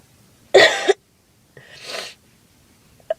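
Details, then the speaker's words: Acted performance of a girl insisting it is allergies, with a sore throat, giving a loud harsh cough, then a softer breathy cough and a brief catch of breath. "I'm not coughing that much. I am fine."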